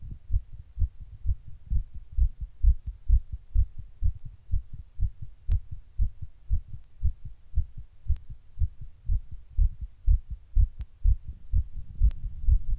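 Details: Own heart recorded while sitting in 100-degree heat during a heatwave: rapid, regular, muffled beats at roughly 120 a minute with faint room hum, tachycardia.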